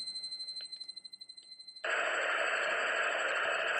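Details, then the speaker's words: Simulated tinnitus sounds as heard by patients: a steady high-pitched ringing with faint rapid pulsing, then a loud constant hissing rush. "I will show you few sounds today. You will understand. Different sounds like this comes to patient's ear and they get irritated."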